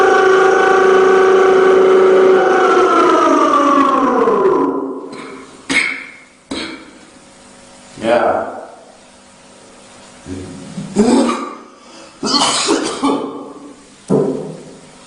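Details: Loud sung pre-dawn sahur wake-up call over a loudspeaker, then a series of harsh, echoing cough bursts from the caller; repeated coughing.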